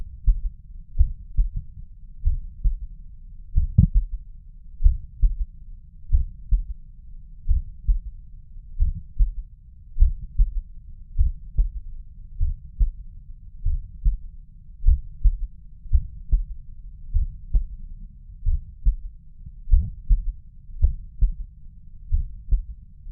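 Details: Heard at the mitral valve, regular low heart sounds with a soft extra thud after the second sound; third heart sound (S3).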